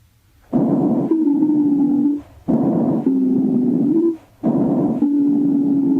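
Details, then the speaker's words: Wheezes: steady, relatively high-pitched, musical, hissing or shrill whistling tones through each breath, often suggesting asthma. "Wheezes are relatively high-pitched and have a hissing or shrill quality and often suggest asthma."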